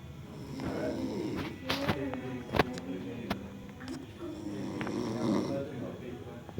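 Repeated rough, rattling breaths, with a few sharp clicks and faint background sound, consistent with snoring.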